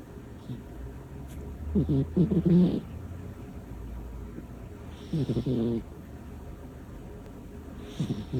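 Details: Small female cat snoring while asleep: loud, rattling, fluttery snores, three breaths spaced about three seconds apart.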